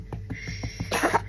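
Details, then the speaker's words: Cat with flu gives a run of about five short, soft hacking coughs ending in a louder, harsher burst, with faint background music: coughing. "Detik-detik panik ketika Anabul batuk-batuk."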